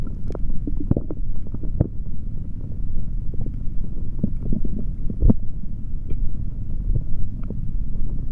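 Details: Male stomach sounds recorded with a stethoscope after drinking a chocolate protein shake: steady low rumbling with frequent gurgles and pops; active bowel sounds, normal digestive activity.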